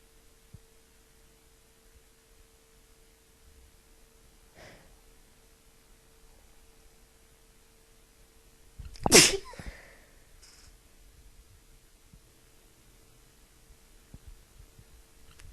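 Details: Person with a bad tickly cold: a single loud sneeze in a quiet room with a faint steady hum.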